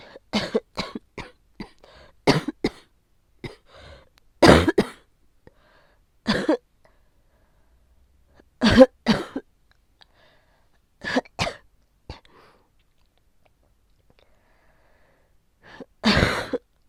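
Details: Productive cough during COVID-19 infection caught from a child, with large amounts of sticky phlegm and sore throat: repeated harsh cough bursts in short bouts with quiet pauses.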